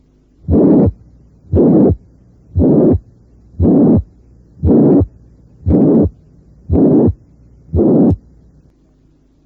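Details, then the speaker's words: Simulated heart about 58 beats a minute: very harsh holosystolic murmur loudest at the apex, filling systole between the two sounds. Suggests mitral regurgitation from ruptured chordae tendineae. "un soplo holosistólico muy áspero con intensidad máxima a nivel de la punta debe hacernos sospechar una insuficiencia mitral debida a ruptura de las cuerdas tendinosas"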